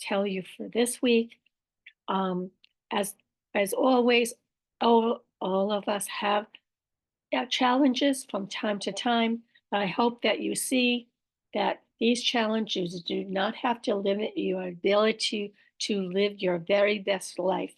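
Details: Aphasia with apraxia of speech and dysarthria in an adult woman after a stroke, with word-finding errors, repetitions and self-corrections.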